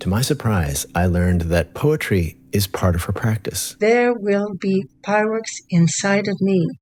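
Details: Adult man narrating, then a second adult speaker; speech.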